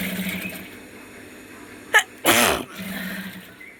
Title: Nose sneezing challenge video 🤧🤧